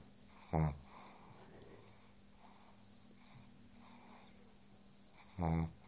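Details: Pug asleep on the sofa: two short, low snorting snores about five seconds apart, soft breathing between; flat-faced dog snoring.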